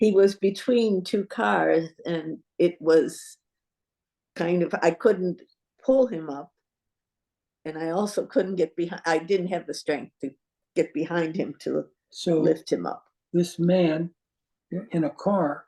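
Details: Adult woman speaking; no disorder.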